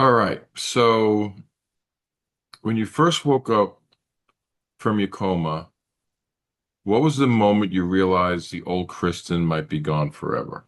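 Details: Adult male speaker; typical speech.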